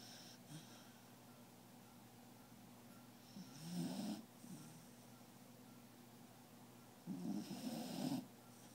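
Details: Sleeping beagle, possibly dreaming: two soft, snorting snores about four seconds apart in a quiet room; ordinary snoring.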